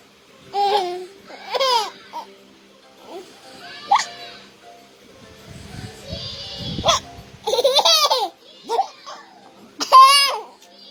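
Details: Baby giggling and squealing with short, abrupt catch-like sounds between laughs, faint music behind; happy hiccups.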